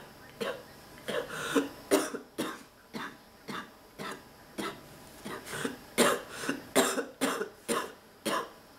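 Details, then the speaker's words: Adult woman, sick and fighting off an illness, back hurting from coughing, nose troubled; rapid run of about twenty harsh cough bursts over nine seconds, a continuous, non-stop coughing fit; persistent cough. "I can't take it my nose I'm coughing ah kicking my ass I can't tell you this too many times"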